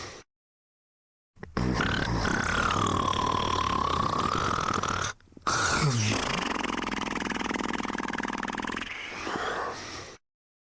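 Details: Man sleeping and snoring, two long, loud, rumbling, vibrating breaths of several seconds each, close to the microphone: heavy snoring.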